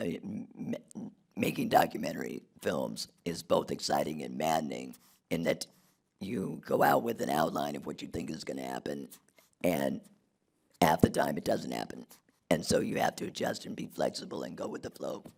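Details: Adult man whose larynx was removed in 2016 due to long-term radiation damage from cancer treatment 19 years earlier, speaking with an artificial voice and breathing through a neck stoma; alaryngeal speech after total laryngectomy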